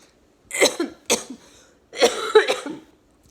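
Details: Woman with cystic fibrosis after two weeks of heavy IV antibiotics, breathing starting to improve: several harsh cough bursts in quick groups with throat clearing, in a quiet room.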